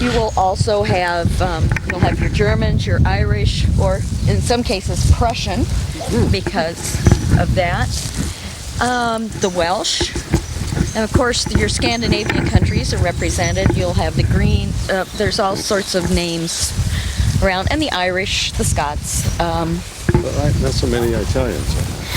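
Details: Adult male speaker outdoors; normal speech.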